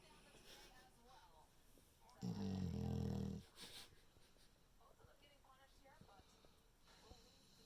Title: snoring puppy snores